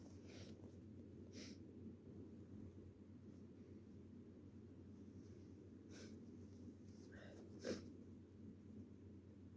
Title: Possibly a cold? Sneezes, blows, and tissue shows.